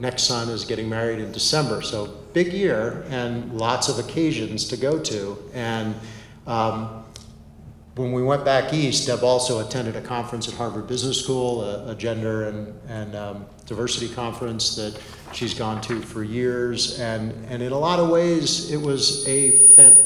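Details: Adult man speaking; ordinary speech.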